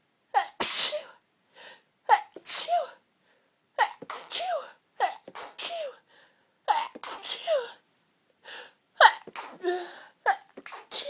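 A rapid run of about nine forceful sneezes with sharp intakes of breath between them: a sneezing fit.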